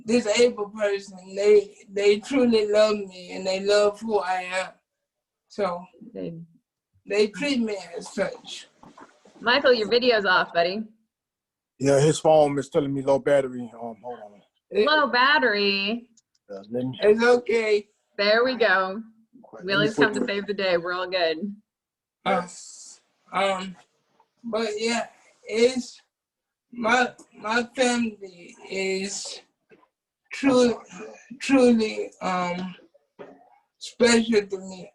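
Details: Adult man with cerebral palsy who uses a wheelchair; at birth doctors told his family he would never be able to speak; speech in cerebral palsy.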